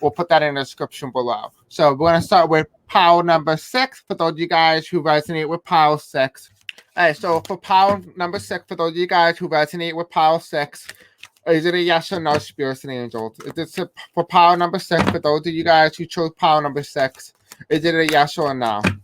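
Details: Deaf speech in a man who says he has a deaf accent and may have a hard time pronouncing certain words.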